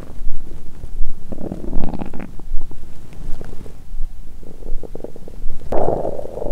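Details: Loud, low irregular gurgling and rumbling from the belly, about 80 a minute, lying down after a large Christmas dinner with wine following a 22-hour fast; drunk, nauseated: active bowel sounds.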